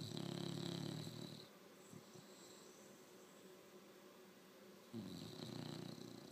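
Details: 7-month-old, asleep and dreaming, described as a very loud snorer: two loud rattling snores on inhaling separated by a quiet pause; snoring.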